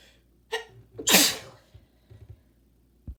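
A short voiced intake, then one loud, wet, hissing sneeze burst, followed by quiet breathing noises. A single sneeze.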